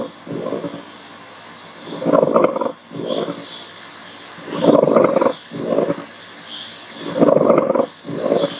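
Rough, dry grating bursts on both breathing in and out, typical of a pleural friction rub.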